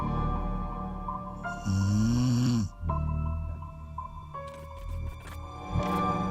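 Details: Loud, low rumbling cartoon-style snore sound effect over music, "The Snore Monster"; simulated snoring.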